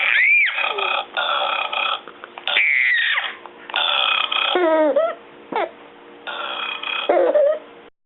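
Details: Baby burping and laughing: several drawn-out voiced burps with gurgling, rising and falling vocal sounds and brief giggles between them.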